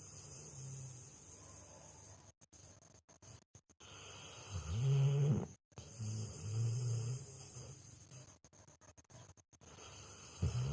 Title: Snore Dog.. Funny Dog Snoring Video